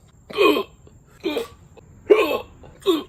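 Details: Four sharp, voiced hiccups within three seconds, each a brief gulping catch of breath, triggered by eating very spicy Carolina Reaper/capsaicin seasoning; hiccups.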